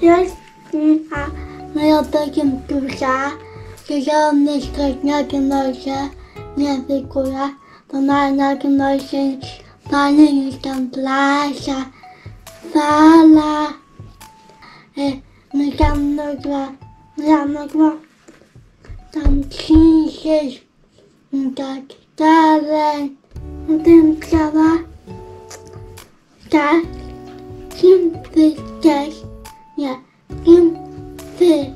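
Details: Dysarthria in a young Polish-speaking girl with cerebral palsy and disability.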